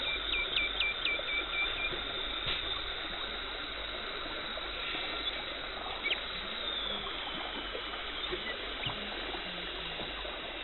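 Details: Dental hygienist performing a professional teeth cleaning, removing tartar and plaque, no talking: steady hiss of water spray and suction with brief high-pitched scaler whines; dental cleaning instrument sounds.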